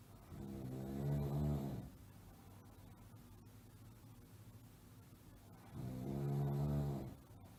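Two deep, rumbling snores over steady background hiss, taken from a sound-effect recording.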